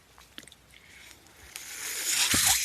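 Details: Ventilator audible behind the user's own speech while he records a Star Wars podcast, delivering breaths as he talks. Mechanical ventilator breathing cycle.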